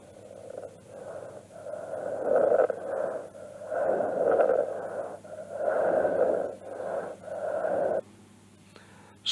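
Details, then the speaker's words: Coarse crackles (wet bubbling rales) from airway secretions, heard through both inspiration and expiration and changed by coughing: noisy, wet bubbling breath sounds. "Algunos de estos sonidos patológicos crepitantes, sonidos inspiratorios de original violar. Rales a burbujas sonidos bronquiales, húmedos, inspiratorios, expiratorios y se modifican con la tos."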